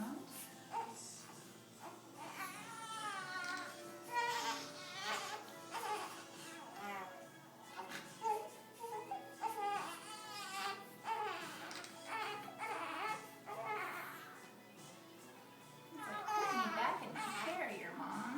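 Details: Newborn crying in repeated bursts of rising and falling wails during a chiropractic adjustment, with background music throughout.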